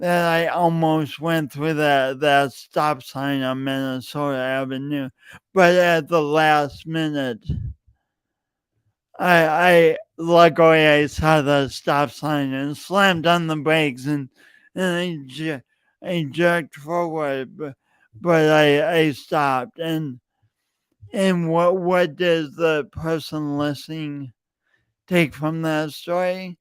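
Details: Real, self-reported speech impediment in an adult male since junior high and high school, still present and heard whenever he speaks; stuttering with word repetitions.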